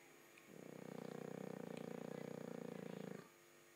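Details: A single sustained, buzzing, vibrating breath lasting under three seconds from a snoring dog.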